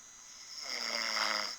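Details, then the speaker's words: A man caught asleep and snoring: a single rising, raspy, fluttering breath sound while the recorder asks who is snoring; ordinary snoring. "listen to this who's this who is this snoring right now I'm taping a video right"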